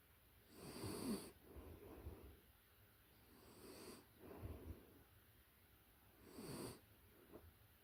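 Soft, rhythmic snoring from a sleeping puppy, about three breaths in eight seconds, with quiet breathing between; ordinary sleep snoring.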